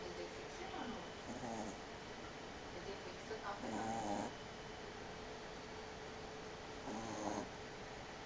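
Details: Soft, irregular snoring from two sleepers over a steady background hiss, with a few rougher snore bursts a few seconds apart.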